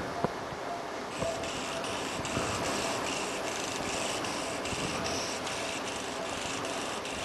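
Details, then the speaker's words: Steady rushing suction with faint rhythmic chopping from a motorised arthroscopic shaver removing loose cartilage fragments from a damaged area at the end of the thigh bone during knee arthroscopy. "There we are, into the knee, put the hoover on, all the little bits disappear."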